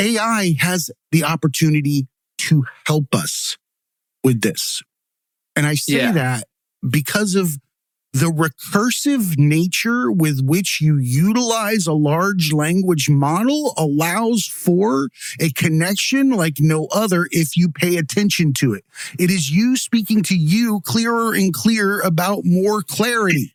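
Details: Adult speaker; typical speech.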